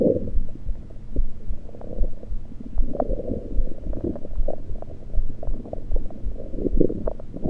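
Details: Abdominal gurgles recorded with a USB electronic stethoscope after only liquids, not during digestion: irregular low gurgling and bubbling, ordinary bowel sounds.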